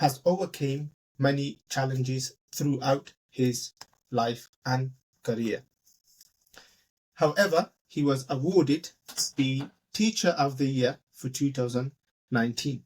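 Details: Adult male speaker; no disorder.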